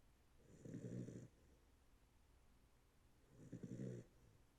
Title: They puppy is snoring!